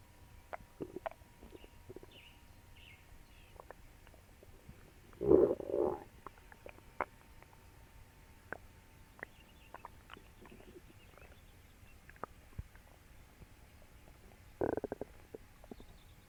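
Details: Quiet background with clicks, then a loud gurgling rumble and a shorter one, after eating for the first time in a while; loud bowel sounds (borborygmi).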